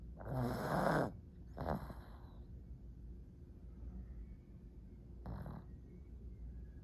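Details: Pug snoring: loud rattling snores on breathing in, one long and two shorter, with quiet breathing between; snoring in a flat-faced small dog.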